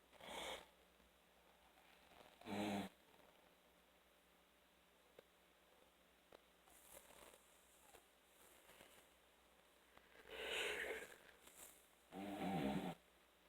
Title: snoring.